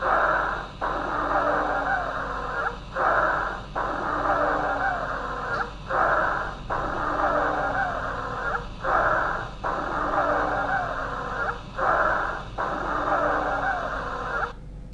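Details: Musical whistling dry wheezes on every breath, about 20 a minute, with dominant, prolonged heavy expiration, played as an auscultation example of dry wheezes in the lungs.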